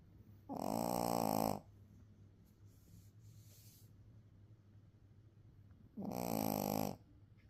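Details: A small Yorkshire terrier gives two loud, buzzing, vibrating snores on the in-breaths about five and a half seconds apart, with quiet breathing between: snoring.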